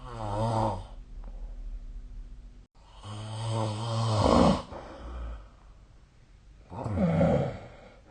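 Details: Snoring during sleep: loud rattling snores on inhaled breaths about every three to four seconds, quieter breathing between, small room.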